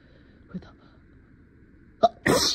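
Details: A brief held-back catch, then a forceful sneeze from an acted scene of a lawyer sneezing in court, trying to hold back and stay professional; simulated and stuffy.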